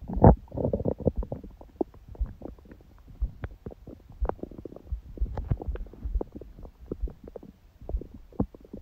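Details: Bowel sounds recorded after a meal and after ab exercises on a raw-food diet, following a fast from 19:00 the previous day with a large first meal at 16:00: frequent soft gurgles with brief clicks and pops, active normal digestion.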